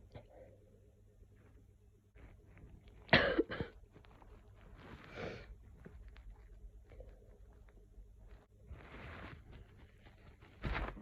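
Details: Woman with a cold, sore throat and cough, unable to stop sneezing: a few sharp explosive sneezes with snuffly breathing between them in a quiet room.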